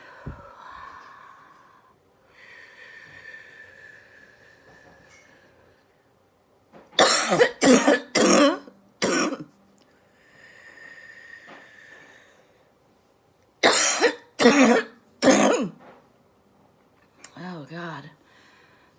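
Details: Productive cough: an adult breathes audibly, then two clusters of three to four loose, wet coughs, followed by a throat clear.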